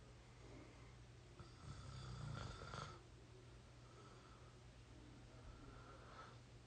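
One low rattling snore on a breath in, then quieter breathing, over faint room hum.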